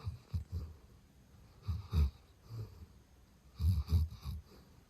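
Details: Labrador Retriever asleep hugging a toy on an electric heating pad: deep, low rumbling snores in irregular clusters about every couple of seconds, loud; ordinary dog snoring.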